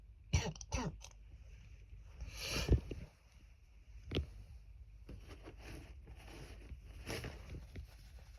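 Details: Adult with a cold, at the worst point of the cough and with much phlegm (feared pneumonia): several short harsh coughs and one longer rattly bout; wet productive cough.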